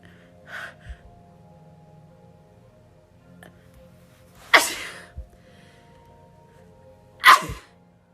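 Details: A person says sneezing hurts and they hate it right now; a soft sneeze, then two forceful sneezes a few seconds apart, with faint music behind.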